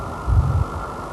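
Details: Pulsed Doppler of the common femoral vein on a lower-limb venous duplex exam: soft, low whooshing venous flow with normal respiratory phasic modulation. The vein is fully compressible with complete colour filling.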